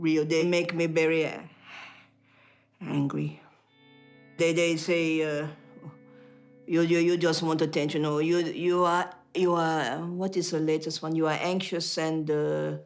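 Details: Woman with foreign accent syndrome after a stroke, sounding Italian; recovery was slow, and it was a couple of months before she could speak.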